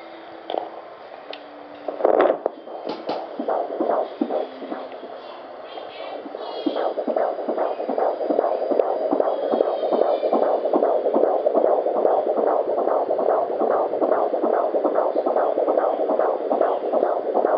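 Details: At 18 weeks of pregnancy, Doppler picks up rapid, steady whooshing pulses at about 146 a minute: a normal fetal heartbeat.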